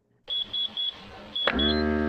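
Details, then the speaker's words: Simulated bedside monitor in a cardiac monitor review, patient with heart rate 36, atria and ventricles uncorrelated, on 2 L nasal prongs: several short beeps, then a steady motor hum as an automatic blood pressure cuff inflates. "as I do that I'm going to apply a blood pressure cuff and I'm going to feel the patient to see if he's warm and dry or if he's cool and clammy"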